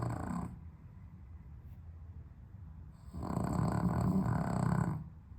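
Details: Dog snoring with sleep apnea, on heart medication, on a hot 32°C day without air conditioning: loud rattling snores broken by a quiet pause of about 2.5 seconds with little breath sound.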